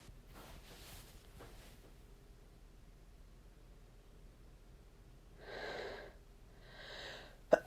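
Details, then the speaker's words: Sneezing set off by dust from two days of room cleaning in a person who says they are not allergic and not nose-sensitive: two sharp nasal blasts in quick succession over quiet outdoor noise, then a click. "i'm not really like allergic to anything nor do i have a very sensitive nose but something about the dust that i've been cleaning uh has really just been setting me off"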